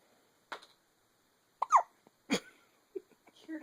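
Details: 8-day-old baby boy with hiccups: several short, sharp hiccup sounds at irregular intervals; ordinary newborn hiccups.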